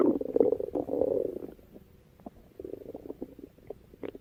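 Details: A female records her own stomach rumbling: low bubbling gurgles from the belly, loud at first then fading into softer scattered pops, from gas and fluid moving; borborygmi.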